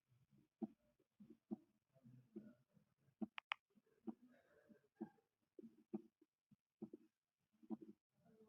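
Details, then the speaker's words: Normal heart sounds at the aortic area, regular at about 68 beats per minute, with a crisp S2 representing aortic valve closure; animated auscultation demo. "while auscultating the aortic area listen for S2 which represents the aortic valve closing"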